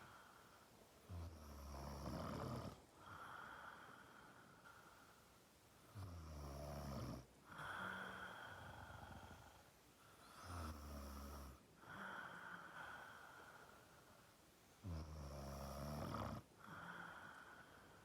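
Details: Snoring: steady, deep, vibrating snores on each breath, about 14 breaths a minute, in a quiet room.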